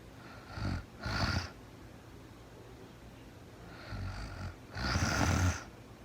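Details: A woman sleeping in real time, with no talking, takes two slow breath cycles, each with a rough, fluttering snore on the in-breath.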